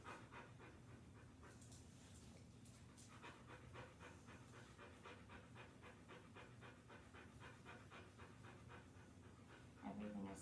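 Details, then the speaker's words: Large female dog auscultated with a stethoscope on the chest in a 9-point pattern, cranially and caudally, both sides; rapid, even panting breaths with no crackles or wheeze, sounding good and not raspy; normal lung sounds. "is sounding pretty good. Not too raspy."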